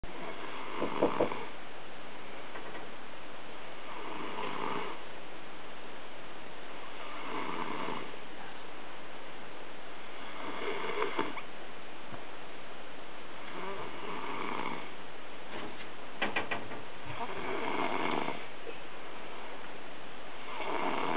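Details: Snoring recorded in 2009 on Ferragosto: regular rough snores, about eight in twenty seconds, over steady room hiss.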